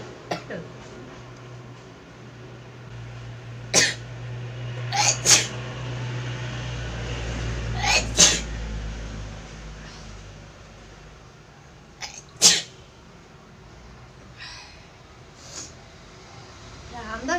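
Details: Woman doing a sneezing challenge with chikini powder: about six to eight sharp, explosive sneezes, some in quick pairs, with quiet breathing between.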